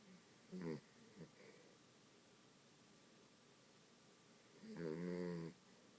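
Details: Dachshund sleeping in and lightly snoring: two loud, rattling snores several seconds apart with a faint snuffle between, in a quiet room.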